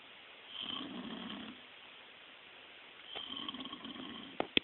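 Two soft, rasping breaths about three seconds apart, then a couple of sharp clicks; snoring.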